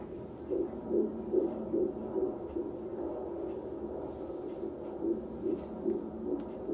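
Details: Rapid soft whooshing beats over background noise and music, about 146 a minute: a fetal heartbeat on Doppler at a prenatal doctor's visit, in the normal fetal range.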